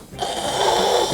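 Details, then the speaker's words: Imitated throat snoring as the airway begins to narrow and air cannot enter properly: strained, harsh inward snore, described as a stage beyond open-airway snoring, before intermittent breathing stops. "기도가 음 덮 차기 시작되면 숨이 제대로 들어가지 못하는 소리"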